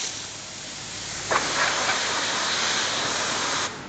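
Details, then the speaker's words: Dental unit three-way syringe in a dental hospital demonstration, air function: a steady rushing hiss of compressed air lasting about two seconds, showing normal device operation. "terus ini namanya triwisering 3 cara pemakaiannya ini angin"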